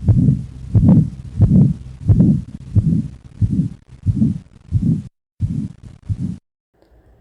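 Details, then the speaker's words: Regular heartbeat near 90 a minute with a rough whooshing murmur swelling and fading between beats: aortic stenosis murmur, played as a teaching example. "now let's weigh an aortic stenosis Mur"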